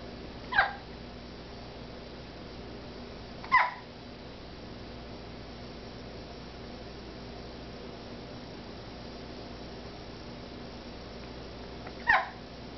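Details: Three short, sharp hiccup sounds at irregular gaps in a quiet room; hiccups.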